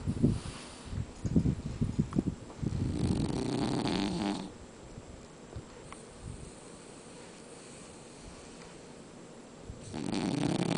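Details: Sleeping French Bulldog snoring: low, rough, rattling breaths with a long pause between them.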